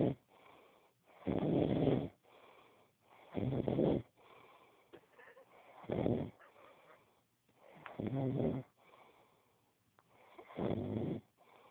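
Rough, rattling snores on each breath in with quieter breaths out, about five breath cycles in under twelve seconds: snoring.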